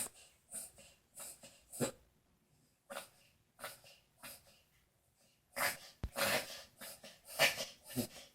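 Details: Dog with hiccups: irregular short snorting, jerky breath bursts about 34 a minute in a quiet room.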